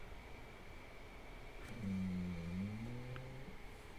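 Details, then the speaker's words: A single low, rumbling snore from a pet dog, possibly snoring while standing up, heard over a steady room hum. "you can hear my dog well he likes to snore"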